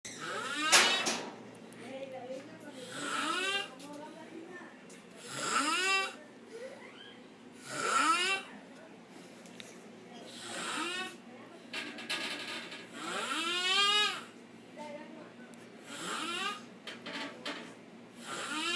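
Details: Drunk man snoring while asleep: loud, irregular, rattling snores on each in-breath, roughly 25 a minute, with some background sound between them.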